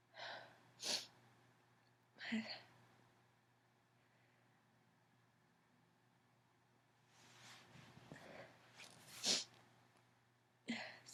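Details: Adult female allergy sneezing fit: several sharp, mostly stifled sneezes, some too powerful to hold in, with soft sniffles between them in a quiet room.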